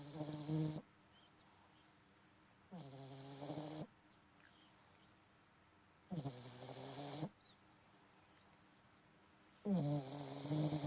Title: Snoring Bulldog Puppy